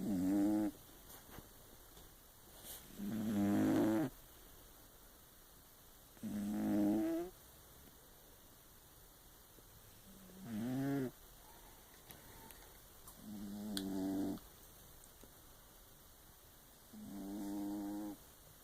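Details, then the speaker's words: Sleeping cat snoring: regular short buzzing snores, about 18 a minute, before she is woken up. "the heck is that you ask that is a snoring cat"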